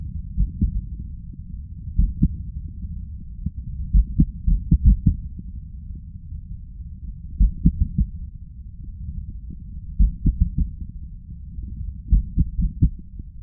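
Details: Forceful, low male heartbeats come in uneven clusters with long pauses and arrhythmic beats, brought on deliberately by chest vacuum manoeuvres; irregular heart rhythm with pauses heard on auscultation.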